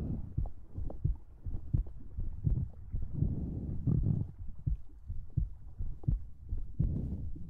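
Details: ASMR recording of a heartbeat with breathing and mouth sounds; muffled low thumps at about 85 a minute, mixed with close breathing and soft mouth sounds.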